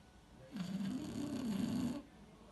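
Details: A 3-year-old beagle, described as snoring louder than anyone in the family, gives one loud, drawn-out rumbling snore while asleep in a quiet room.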